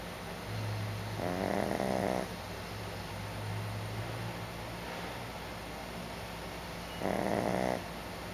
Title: Barrack Snorefest.AVI